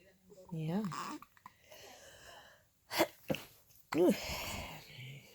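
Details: Breastfeeding baby cooing and fussing with a few short, sharp hiccup bursts in between; hiccups.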